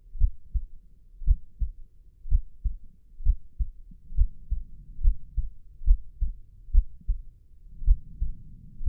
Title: What a real heart sounds like #sound #asmrsounds #soundeffects #asmr #heartbeat #heart #heartbeats4k